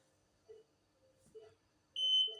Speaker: elle est débloquée et vous pouvez monter et descendre votre lit sans toucher